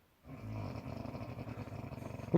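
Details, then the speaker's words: Adult snoring loudly during sleep: a rough, rattling snore on one breath with a fluttering, growl-like quality; the partner tries to wake them and suggests a snoring ring. "Darling? Darling? You're snoring. No, I didn't mean to. Fucking well loud, and I filmed it."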